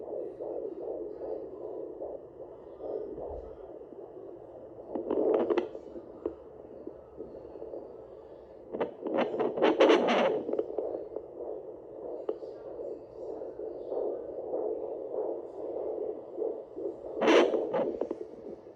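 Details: Fetal heartbeat at 12 weeks of pregnancy on a home handheld fetal Doppler: fast whooshing beats about 150 a minute, with scratchy probe noise.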